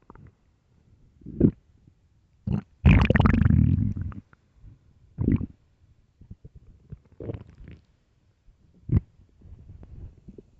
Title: extreamly empty loud deep stomach growls part 4 (starving)